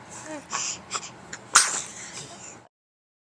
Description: 4 mos. old Baby tries to answer the question "Who's a Better Driver, Mommy or Daddy?" and answers with a Sneeze.